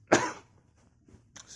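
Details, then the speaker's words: Person reporting intense chest palpitations that make them cough a lot, without shortness of breath or breathing difficulty: a single sharp, harsh cough, followed by quiet; cough. "i i i i constantly you know feel some sort of palpitations you know in my chest and it's it's making me you know coughing quite a lot"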